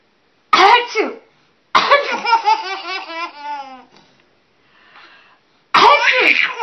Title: Mommy Sneezing...laughing!